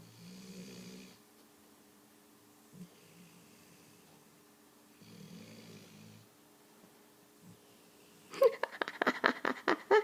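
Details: Loud, adult-like snoring from a sleeping daughter, filmed secretly.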